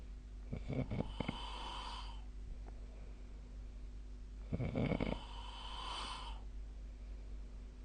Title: 🐽 本日のイビキ / Snoring Sleep Sound 2025/03/01